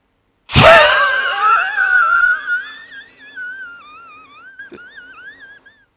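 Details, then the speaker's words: Expiratory wheeze during forced expiration in a spirometry demonstration by a standing asthmatic doctor: a forceful blast of breath turning into a long, wavering musical whistle as exhalation continues. "10 seconds I did develop wheing I am asatic so you could clearly hear the wheezing but it has to be that tiresome can you understand I'm sweating"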